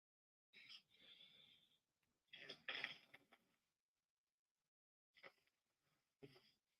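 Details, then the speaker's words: An adult man snoring in his sleep for about 20 minutes: irregular, harsh, rattly breaths with a whistling edge on some, at first mistaken for construction noise or sniffing. Snoring. "thought he was doing construction work or something somebody next door because of him you know doing drugs you know like sniffing um he literally was snoring the whole time"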